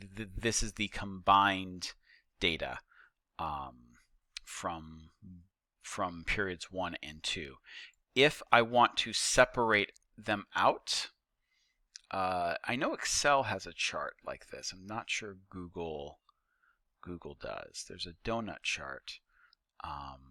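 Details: Stuttering in a male teacher who says he stutters; he notes that the repetitions heard are his own stuttering, not video buffering.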